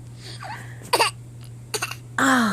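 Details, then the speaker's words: Voluntary fake cough by a young boy on request: a couple of short, forced throat-clearing coughs followed by a brief vocal sound. "that's such a terrible cough"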